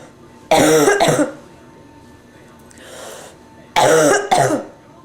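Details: Amy, a sick adult with bronchitis, coughing; she also reports a stuffy nose, sore throat, feeling feverish and chills.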